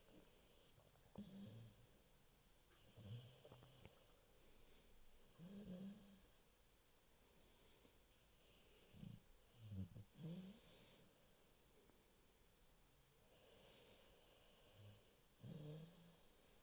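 Soft, irregular snoring breaths with quiet rumbling snorts every few seconds over steady room hiss, from a sleeping pet.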